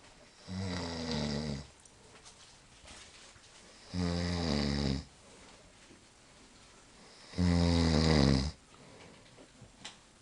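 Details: Adult man in deep sleep, snoring loudly enough to keep everyone awake in the room: three loud, rattling snores on in-breaths, about 3.5 seconds apart, with quiet out-breaths; heavy snoring.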